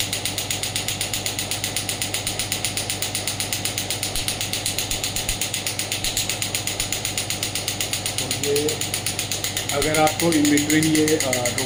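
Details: Biotronix pneumatic radial extracorporeal shockwave therapy device firing after being lifted off the operator's hand in a demonstration. Steady rapid mechanical clicking, about four pulses a second, with a brief voice near the end.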